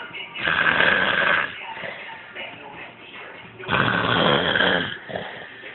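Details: Snoring from a person after too much working: two loud, rough, rattling snores a few seconds apart, with quieter breathing between.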